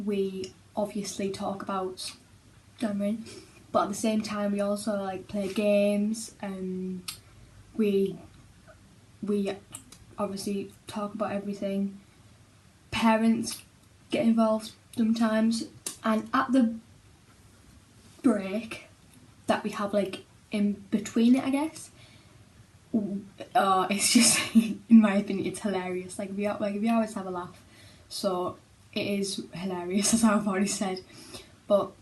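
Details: Girl who stammers and attends a speech therapy group for children who stammer; stammering.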